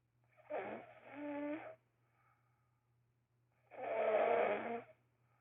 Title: loudest snoring ever